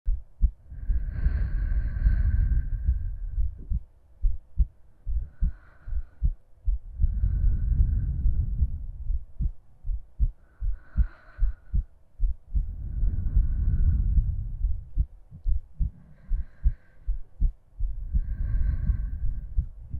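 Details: Steady soft low thumps around 74 a minute with slow breathing rising and falling behind them, from a woman's heartbeat and breathing in a no-talking ASMR sleep-aid recording; a normal heartbeat.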